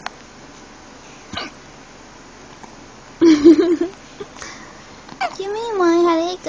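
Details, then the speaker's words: A 1-month-old baby hiccuping: a few short, abrupt hiccup sounds with a brief vocal sound at the end and quiet room noise. "hiccups oh me and it goes to we have the hiccups at the same time you get a more room"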